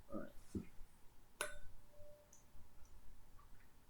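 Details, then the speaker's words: A sharp tap then a steady, fading pure ring of a tuning fork held to the patient's head during a cranial nerve VIII Weber hearing test; she heard it equally on both sides, a normal result. "I have a tuning fork here. What I'm going to do with this is I'm going to just tap it. It's going to make a ringing noise, and I'm going to hold it up here."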